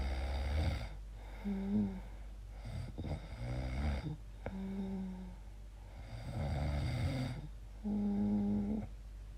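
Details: Person's own weird sleep noises, questioning snoring or sleep apnea: low, rumbling snores with a vibrating, groaning quality on several breaths over about nine seconds, against steady low room hum.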